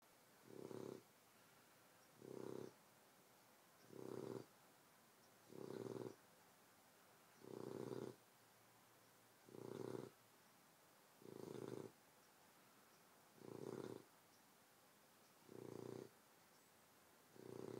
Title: Petunia snores